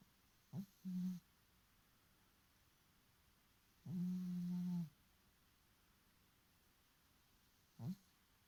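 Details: Sleeping cat: soft, low rumbling snores in a quiet room, one long and several short, with pauses between breaths; ordinary snoring.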